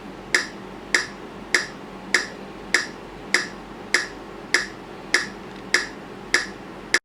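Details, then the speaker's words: AED training demonstration after a delivered shock: sharp, evenly spaced metronome ticks at about 100 a minute pacing chest compressions, 30 compressions alternating with 2 rescue breaths during CPR. "ทำการปั๊มหัวใจ30ครั้งสลับกับการช่วยหายใจ2ครั้ง"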